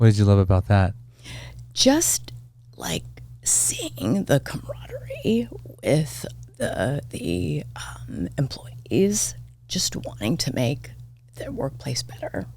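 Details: Adult woman diagnosed this year with spasmodic dysphonia; vocal cord spasms make her voice cut in and out, sometimes hoarse; she attributes it partly to voice overuse as a podcast host and to stress; real, occurring during interview; spasmodic dysphonia.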